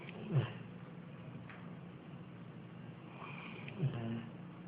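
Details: Bailey, a sleeping dog, snoring: two low, rumbling snores about three and a half seconds apart over a steady faint room hum.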